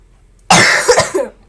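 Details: Role-played cough in a pretend game where a character is said to have corona and feels unwell: a single loud, harsh cough burst with a short trailing catch of breath.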